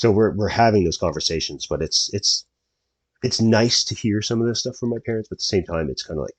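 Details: Adult male speaker; ordinary speech.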